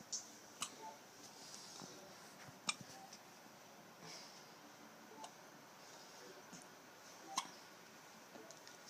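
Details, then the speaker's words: One-week-old baby girl with hiccups after a big milk feed: a few brief, sharp clicking catches spaced irregularly several seconds apart in a quiet room. "Marco, your sister has the hiccups. Uh-oh. She has the hiccups."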